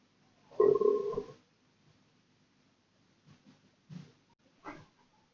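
A sound toy plays a long gurgling rumble, followed by a few short bubbly pops. It imitates stomach gurgling; the noise is mechanical, not a real body.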